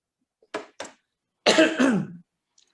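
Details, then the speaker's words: Adult man gives two short dry coughs, then a longer throaty cough with throat clearing; he has been coughing for a couple of days, voice affected. "now i'm sorry about my voice i've been uh coughing for the past couple of days"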